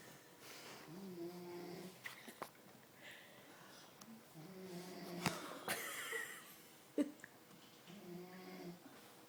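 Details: Snoring recorded in 2011: soft, whistling, buzzy breaths repeating every few seconds, with faint clicks and rustles in a quiet room.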